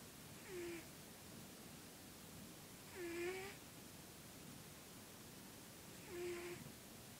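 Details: Sleeping cat snoring; snoring.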